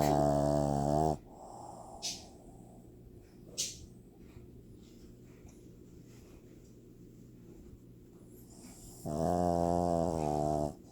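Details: Sleeping pug: two loud, low, rattling snores about eight seconds apart, with quiet breathing and soft snuffles between them; snoring.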